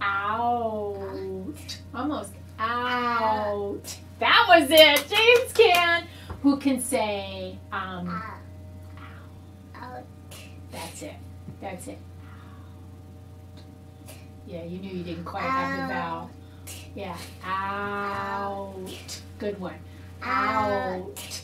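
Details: Adult speaking with a child; normal adult speech.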